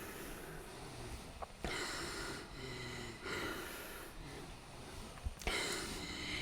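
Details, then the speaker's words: Long-term home ventilator user with a tracheostomy, switched to a Trilogy Evo after six years on a Trilogy 100, speaking on the Evo: forceful machine-delivered breaths with strained, noisy breathing. Speaking takes great effort against the very powerful ventilator breaths. "This is how I speak and sound with the Trilogy Evo. It is very difficult to speak. It takes a lot of effort and energy to overcome the very powerful breaths the ventilator is giving me."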